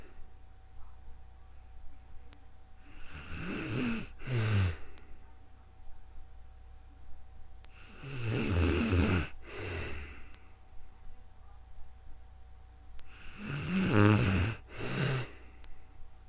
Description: Sleeping beauty has returned this video in calm real time sleeping with snoring you will love it